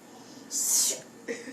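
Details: Nephew's sneeze, possibly faked, per uploader: one loud, hissing sneeze burst with faint talk in the background.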